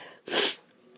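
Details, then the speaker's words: A single sharp, hissing burst of air about a third of a second long: one sneeze from an adult, deliberately provoked by tickling just inside the nostril edge with a clothes tag. "I'm using a clothes tag just around the edges of my nose not sort of at the tip a bit further in cuz"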